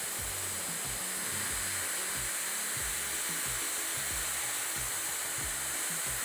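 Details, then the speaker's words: High-speed dental handpiece with a pointed football-shaped diamond bur adjusting and refining groove anatomy of a Class I occlusal composite filling on the upper left first molar (tooth 14): steady high-pitched whine and hiss, with faint music. "So the first burr that I'm going to use is this pointed football-shaped diamond burr when I do the adjustment, and same time when I make some anatomy."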